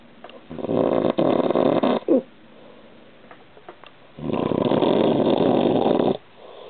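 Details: Serious snoring from a husband sleeping on a waterbed beside his wife, recorded to disprove his claim that he only snores when she is in bed with him.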